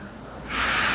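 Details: Sudden loud hissing rush of air, a forceful exhalation while bracing the abdomen against a belt with arms raised overhead, during manual-therapy exercise for anterior shoulder pain from bench/press training, present about 4–5 years.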